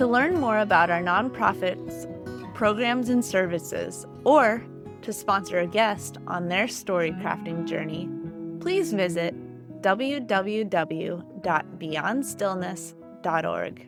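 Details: Adult woman speaking; ordinary speech.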